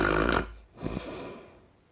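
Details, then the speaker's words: Adult man imitating his own nightly snoring while reviewing a sleep app that records snoring: a loud, rough, rattling inhaled snore followed by a softer breathy one; simulated snoring. "ยิ่งเวลาตอนนอนถ้าเรากนดังมากๆเนี่ยมันก็จะบันทึกไว้เลยนะครับว่าเรากลดังช่วงไหนบ้างนะครับเสียงกลของผมที่ดังประจำทุกคืนก็จะประมาณนี้"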